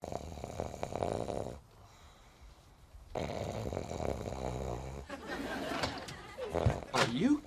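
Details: Acted comedy scene: the character Joey in Friends gives loud, rough adult snores with brief quiet gaps between them.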